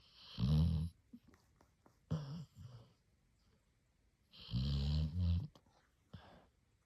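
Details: Sleeping Labrador puppy, shaking while dreaming: two loud, low snoring bursts with softer snuffles between them; ordinary snoring.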